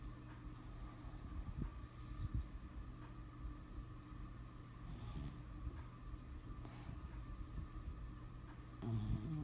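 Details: Snoring: low rumbling breathing with soft snorts over a steady background hum.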